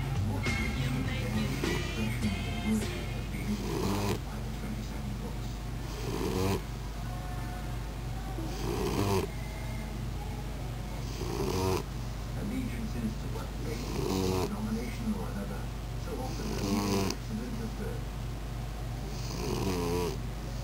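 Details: Pit bull puppy napping on a lap after play, snoring: repeated rough snores about every 2.5 seconds, roughly 23 per minute, with music in the background; ordinary puppy snoring.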